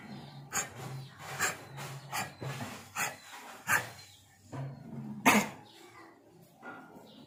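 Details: A dog at a veterinary clinic gives a run of short, harsh, dry hacking coughs, labelled kennel cough.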